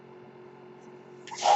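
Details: The speaker's own ventilator, audible as he opens his podcast: a steady low machine hum, then a rising airy whoosh as it delivers a breath; mechanical ventilator noise.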